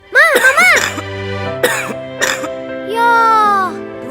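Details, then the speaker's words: A mother's cough that persists despite taking medicine, in a cough syrup advertisement. "Mama masih batuk udah minum obat tapi enggak sembuh-sembuh."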